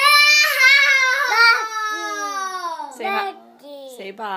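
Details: High, tuneful crying wails from a young child, with short breaks between cries, recorded during a family sneezing game; an ordinary toddler cry.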